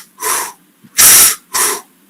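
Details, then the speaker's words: Simulated normal breath sound: three soft, blowing, hissing sounds imitating normal breathing, described as the sum of laryngotracheal sound and vesicular murmur. "el humano es la suma del ruido laringo traqueal más el murmullo vesicular se llama ruido respiratorio"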